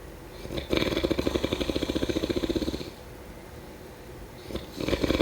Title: #snoring #sleepnoises #snoringasmr #sleepsounds #snoringsleepingsoundeffect